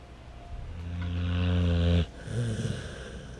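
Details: Sleeping dog: a loud, deep, buzzing snore that builds and stops abruptly, followed by a softer breath: loud snoring.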